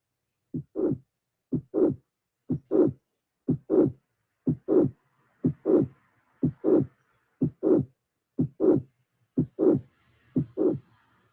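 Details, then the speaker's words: Late (end) systolic mitral regurgitation murmur with an eccentric jet: first sound, an empty pause, then a murmur running into the second sound. Possible mitral valve prolapse or ischemic heart disease. Regular rhythm near 61 a minute. "this means that the murmur does not cover entire system but is end systolic the end systolic murmur can be the results of mitral var prolapse of ischemic heart disease"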